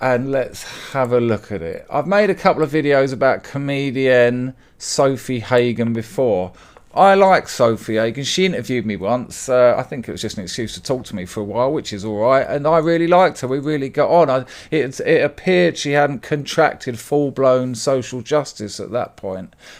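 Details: Adult male speaker; no disorder.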